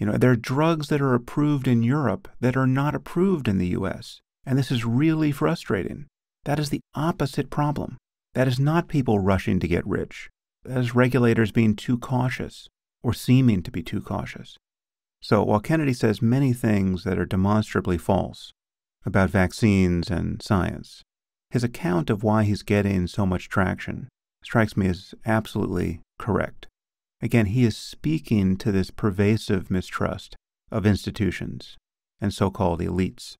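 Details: Adult man; typical speech.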